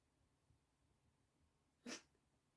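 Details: A kitten or cat gives a sneeze.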